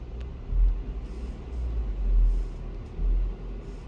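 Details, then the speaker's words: Transcranial Doppler of the left and right V4 vertebral artery segments in a 7-year-old girl with sickle cell disease at high risk of cerebral infarction after a recent crisis: low whooshing pulsatile flow, about 75 a minute; velocity around 130 mentioned. "V4 gauche V4 droit le segment vertébral V4 gauche on va prendre une dimension ici les vitesses à la voisine sans à la voisine 130 3 elle est suivi"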